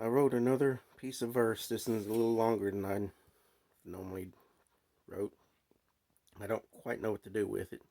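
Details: Adult man who describes himself as stammering; stuttering.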